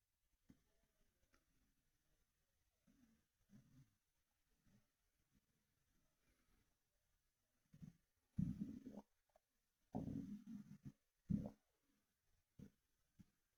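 Quiet, irregular low gurgles build into several louder rumbling, sloshing bursts from the belly, with liquid moving in the gut; ordinary bowel sounds, stomach rumbling.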